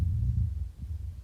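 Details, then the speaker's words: Rhonchi: a low-pitched rattling, rumbling, snore-like sound through the breath, arising in the bronchi rather than the alveoli from mucus secretions or obstruction. "this one's described as a low pitched rattling or rumbling kind of like a snoring located in the Bron ey not the alvioli here so the patho is mucus secretions or obstruction"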